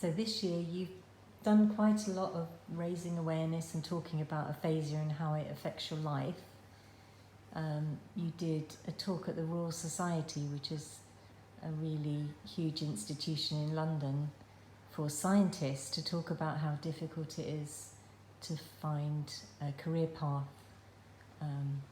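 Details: Adult woman speaking; no disorder.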